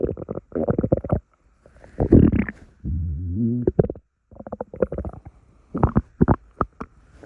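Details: Morning stomach rumbling: gurgling, bubbling and low, drawn-out groaning rumbles from the belly with short pauses; ordinary bowel sounds.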